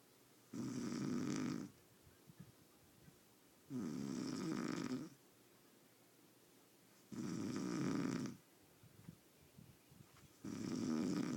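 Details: Loud, regular snores on each breath, about 18 a minute, with quiet pauses between them, from a person in deep sleep; ordinary snoring.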